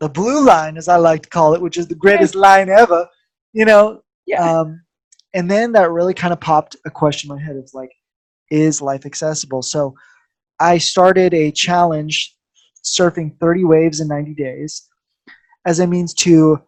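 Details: Adult speaker; ordinary speech.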